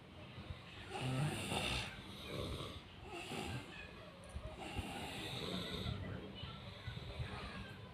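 Rough, low rattling breaths in slow cycles with room noise; snoring.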